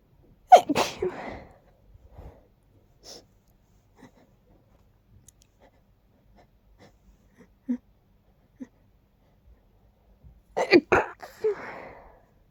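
Two loud sneezes about ten seconds apart, separated by quiet breathing and small sounds in a quiet room.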